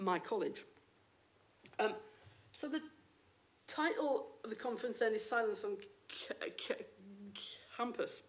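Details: Adult woman, a university lecturer who states she has a stammer; stammering.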